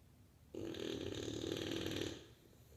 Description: Bulldog problems. Snoring bulldog. Snores like a freight train.